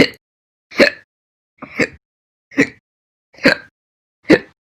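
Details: Six short, abrupt hiccups separated by silence, about 70 a minute and slightly irregular; slow hiccups.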